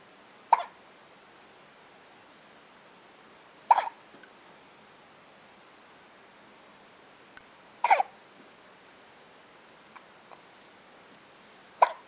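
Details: Baby girl hiccupping at 2:30 a.m. after a feeding while looking up at her father: four brief, sharp hiccup catches about every four seconds, roughly 15 a minute, in a quiet room.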